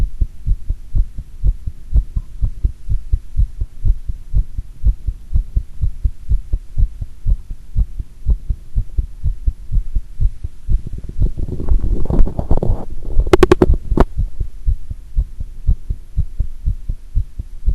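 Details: Own heart sounds recorded with pressure applied after doing squats: quick, steady low thumps with a brief stretch of rubbing and clicking. The recorder reports a single arrhythmic beat in the recording.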